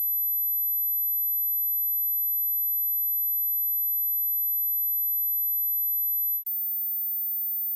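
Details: Age-related hearing test: steady very high-pitched pure tone then slightly higher tone, frequencies such as 12,000 Hz and 15,000 Hz marking hearing age; high-frequency hearing test tone.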